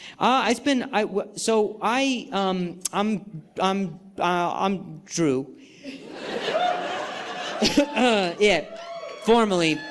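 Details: Stuttering in an adult male comedian performing live on stage, who says he has not stuttered this badly in a long time and has had involuntary sounds and tremors this week.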